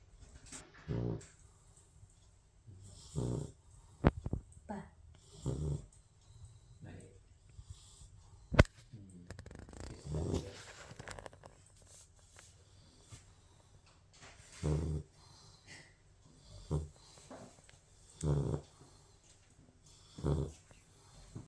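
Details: Sleeping Labrador puppy: soft, low, irregular snuffling snores, roughly 13 a minute, with a few faint clicks and room noise; puppy snoring.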